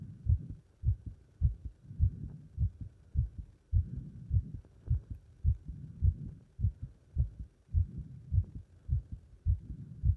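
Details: Normal heart sounds after leapfrog exercise: regular, strong low heartbeats at about 105 per minute, a fast but normal rhythm after exertion.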